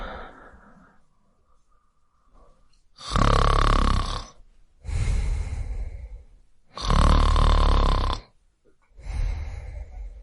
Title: male snore - sound effect